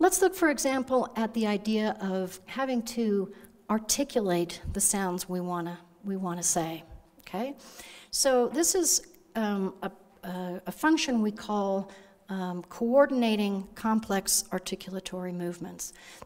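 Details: Adult woman lecturing; normal speech.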